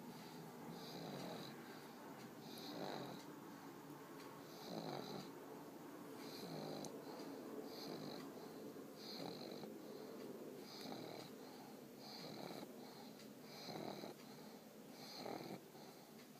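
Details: Pug snoring with eyes open while getting sleepy: repeated snorting, rattling snores with hissy breaths, about a dozen cycles; typical loud snoring of a flat-faced dog.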